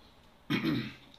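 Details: A single short, rough throat clear against quiet room noise during a manual therapy training session on lumbar twist techniques, with the patient lying on a table; throat clearing.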